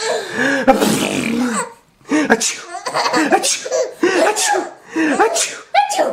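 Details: A child's sneeze followed by bursts of giggling and laughter; an ordinary sneeze.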